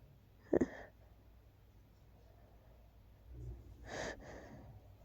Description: Just a little tickle I had before falling asleep... not rapid this time 😅